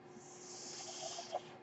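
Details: A person's own home mechanical ventilator is heard while they talk, delivering a breath: one breath cycle of a home mechanical ventilator.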